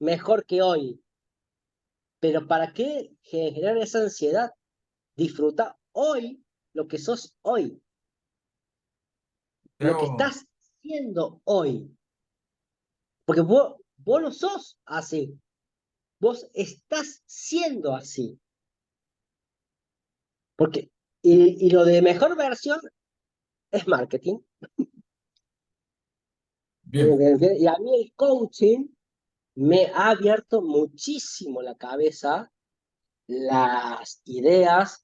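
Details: Stuttering in an adult Spanish-speaking man in spontaneous conversation.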